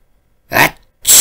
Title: Your Average Sneeze